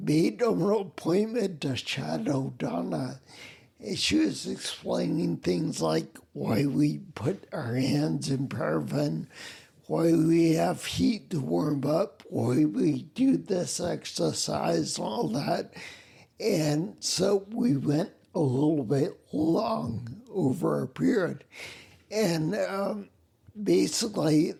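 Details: Man with spinocerebellar ataxia (SCA), a rare neuromuscular disease that also causes mobility problems, staggering and noise-induced anxiety; he reports a speech impediment with slurring that makes him sound drunk; ataxic dysarthria.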